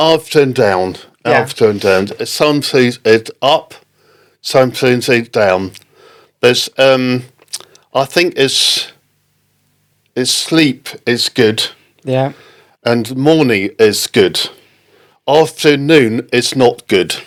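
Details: Man with post-stroke aphasia following a stroke in October 2019; halting, non-fluent speech, aphasia.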